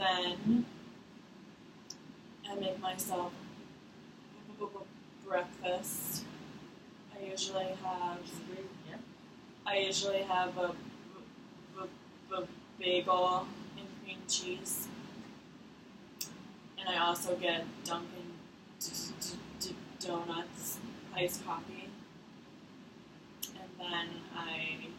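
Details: Acted role-play: a 22-year-old client who stutters, speaking during a mirror activity in a therapy session; stuttering.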